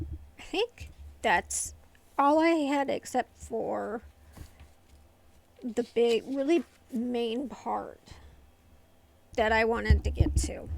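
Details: Adult woman with familial essential tremor affecting the vocal cords, diagnosed by a movement-disorder neurologist, plus medication-induced tardive dyskinesia from long-term antipsychotic use; vocal tremor.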